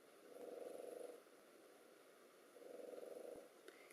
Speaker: Can you hear the dogs snoring? They're really, really loud.